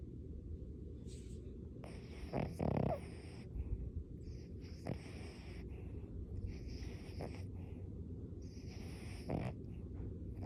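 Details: Sleeping pet: repeated snorting, rattly breaths about every two and a half seconds over a steady background hum; snoring.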